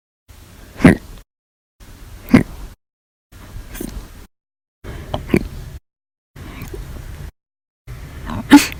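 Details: Violent, loud hiccups in a series recorded 7/26/19–7/31/19, each episode lasting hours after meals and soda: six abrupt, forceful throat catches about 1.5 seconds apart.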